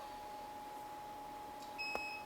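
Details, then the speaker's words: AED trainer in adult mode, prompting the user to check the pad position and attach the pads; a steady electronic tone and a sharp high beep before the pads are attached. "자 전원을 켜면 성인용 모두입니다 드 의 부착 위치를 확인하여 부착하십시오"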